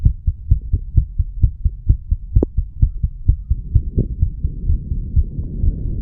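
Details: 34-year-old male after smoking nicotine and "green stuff", heart recorded at the mitral area: regular, fast heartbeat of about 130 beats a minute with some rubbing noise later; quickened heart rate.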